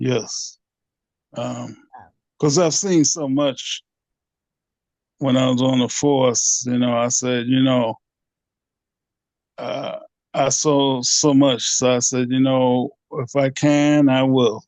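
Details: Aphasia in a 67-year-old man, 9 years after two strokes (January 2015 and March 2016).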